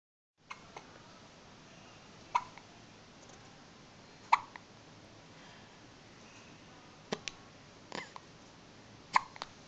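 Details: Newborn baby a few days old, still in hospital, with six short, sharp hiccups at fairly regular intervals, about one every one to two seconds, in a quiet room: hiccups.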